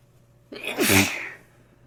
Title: Congested Sneezing